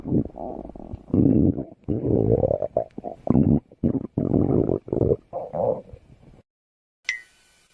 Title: Stomach growling Part 2